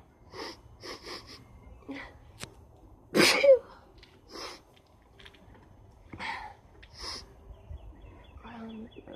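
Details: Rapid sneezing: a loud, sharp sneeze amid sniffing, nose blowing and short nasal bursts in a quiet room.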